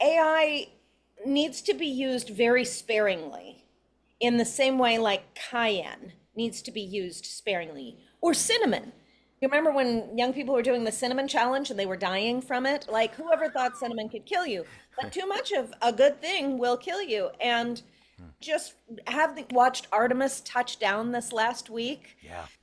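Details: Adult woman speaking, brief second voice at end; normal speech.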